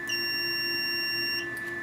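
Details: Venus Viva skin rejuvenation device signalling a completed treatment pulse during a full-face pass at the jawline: steady piercing electronic tone about 1.5 seconds with quieter beeps after; device pulse-complete beep.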